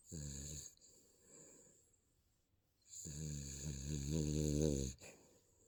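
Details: Sleeping baby snoring: two stretches of rough, voiced snoring with a quiet pause between them.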